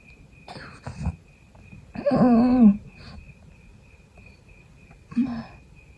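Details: Mild cough during an illness with sneezing, still sick with the fever gone: a few short, dry coughs and a throat clear in a quiet room with a faint steady background tone.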